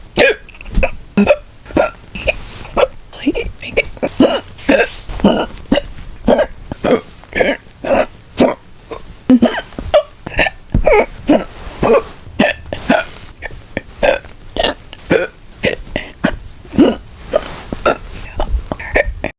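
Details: A rapid run of short, sharp hiccups, some quiet and some loud, roughly two per second over twenty seconds.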